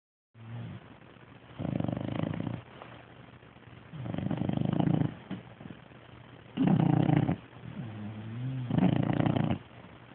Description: Munster sleeping & snoring